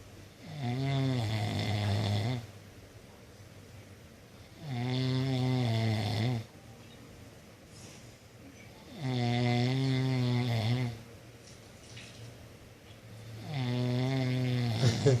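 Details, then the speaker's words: Female sleeper ("good girl") snoring persistently: steady, loud, buzzing snores on each in-breath, about 14 breaths a minute, with quiet out-breaths. "Oh my god, you will not stop snoring."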